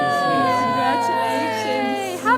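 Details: Long, sustained, strong wail of a just-delivered baby girl at a maternity hospital; a healthy newborn's first cry.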